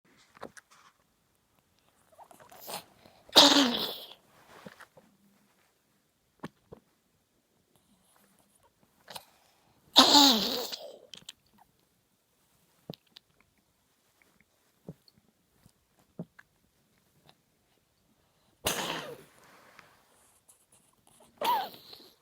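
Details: A cat gives about four short, harsh expulsive coughs with long quiet gaps in a small room; cough.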